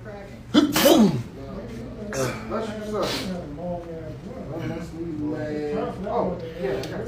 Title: barber fake sneezes on client